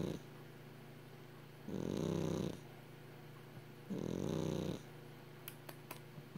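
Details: A sleeping 12-year-old Exotic Shorthair cat snoring: two long, rumbling, fluttery breaths about two seconds apart over quiet room hiss, with dream twitches noted.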